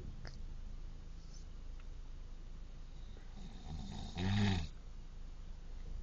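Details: Father asleep: one low rattling snore on a breath in against quiet room noise; snoring.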